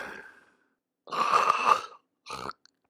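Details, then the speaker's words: Unresponsive, unconscious person with agonal breathing as the brainstem seeks oxygen: irregular, harsh gasping breaths with groaning, laboured vocalisations. "The breathing is characterized by abnormal gasping breaths accompanied by labored vocalizations, as can be heard here."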